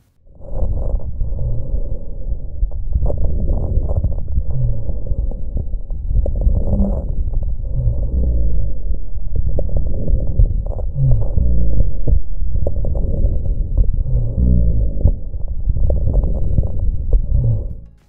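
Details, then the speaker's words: Real recording from a patient with cystic fibrosis, auscultated over the left lateral chest: low rumbling rhonchi with scattered popping crackles through repeated breath cycles. "en otro ejemplo un paciente con fibrosis quística presenta roncus y crujidos se oculta el lateral izquierdo"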